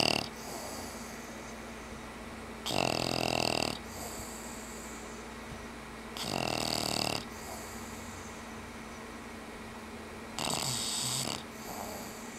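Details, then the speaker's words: Snoring during a nap after playtime: three rough, buzzing snores about every three to four seconds over steady room noise. "And that was your momentary snore break."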